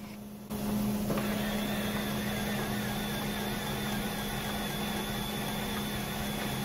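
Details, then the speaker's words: Kangaroo enteral feeding pump being manually primed with hold-to-prime flush button: steady motor hum with thin high whine as water from the flush bag fills the tubing. "so press the button that says hold to prime flush keep holding and you can see water from the flush bag priming the tubing"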